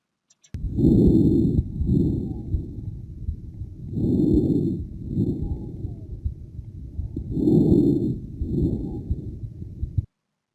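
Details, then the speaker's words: Stethoscope lung sound recording from an adult volunteer aged 40 or over in a population study: breaths at about 18 a minute with faint whistling musical tones in expiration, wheezes. "Here, you can learn more about the methods used to capture these sounds, as well as listen to some examples, such as lung sounds with wheezes."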